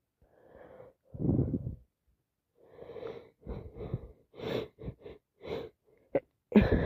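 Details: Person with a very bad, full-blown head cold, recorded in real time: sharp indrawn breaths build up to very wet sneezes, with short bursts and sniffles; sneezing from a common cold.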